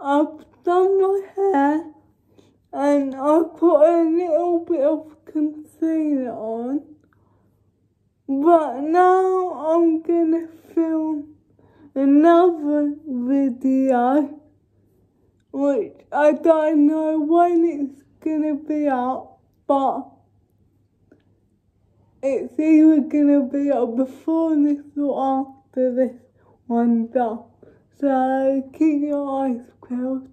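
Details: Dysarthric speech in a woman with cerebral palsy, talking spontaneously in a day-in-my-life vlog during quarantine.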